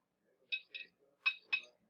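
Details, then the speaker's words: Sharp, high-pitched metallic clicks in pairs, like a clock ticking, heard on cardiac auscultation from a mechanical prosthetic heart valve, an artificial external sound: mechanical prosthetic valve click. "usted va a escuchar un sonido que es como un clic como el sonido del reloj por eso lo llamaron clic"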